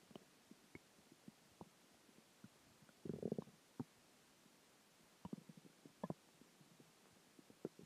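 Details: Stomach growls after dinner, water and gas: quiet gurgles and low bubbling rumbles come and go over several seconds, ordinary borborygmi from gas and fluid moving through the gut.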